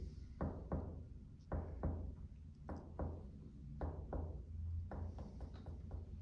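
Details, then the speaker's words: Topographic lung percussion along the mid-clavicular line to find lower-border mobility during deep inspiration and expiration: paired finger taps moving down the chest, resonant note turning duller at the lower lung border. "Yes, you can hear. The difference between this one and this one, we call this as a mobility of the lower body."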